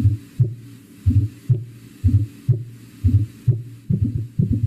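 Regular low heartbeat near 60 a minute with an extra soft thud just before each first sound: an S4 gallop.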